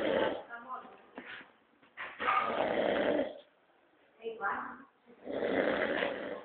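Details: Sleeping dog snoring: irregular snorting, rattling breaths with a few short snuffles between louder snores.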